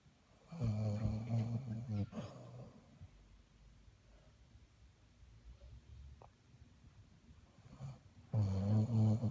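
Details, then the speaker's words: Sleeping female snoring: two loud, low rattling snores separated by quiet breathing; ordinary snoring during sleep. "She's snoring. Shh."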